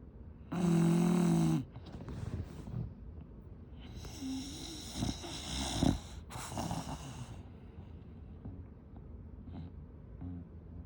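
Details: One loud, rough, buzzing snore, then quieter noisy breaths and snorts; snoring in an English Bulldog.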